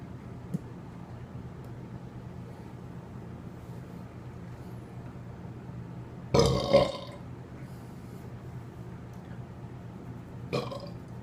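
Quiet room, then a loud drawn-out belch followed by a shorter second one: burping, air brought up from the stomach.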